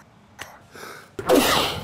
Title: sneezes into his hands, rejects hanky